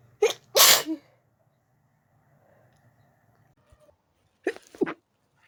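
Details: A person in bed, trying to sleep early, has a sneezing fit that started after turning onto the other side: two loud sharp sneezes, a quiet pause, then two more.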